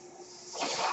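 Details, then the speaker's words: The speaker's own mechanical ventilator, heard during podcast speech, cycling through a breath. "Hello, everyone. That noise here is my ventilator."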